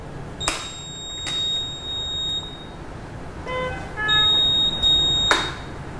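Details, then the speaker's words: Puritan Bennett (PB) 840 mechanical ventilator powering on, switched on before connection to the patient: several high electronic tones and a short melodic chime as it boots to a short welcome screen, a normal start-up tone. "there will be a shorter welcome screen as the ventilator the boots up"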